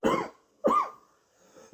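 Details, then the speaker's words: An adult who was sick coughs during the night, recorded while asleep by a sleep-tracking app. "Did you hear that? I was up all night coughing."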